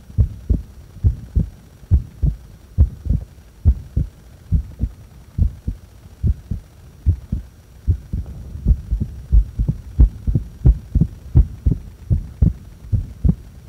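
Steady, dull paired thumps, about 70 beats a minute, with no breath noise during a held breath; ordinary heartbeat.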